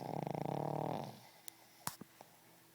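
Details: Small 10 lb Boston Terrier snoring: a rattling, fluttering snore that fades after about a second, followed by a few soft clicks in a quiet room.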